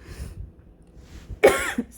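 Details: One short, harsh cough from an adult with COVID-19, with faint breathing and room noise around it.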